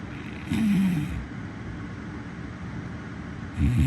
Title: Snoring Sound Effect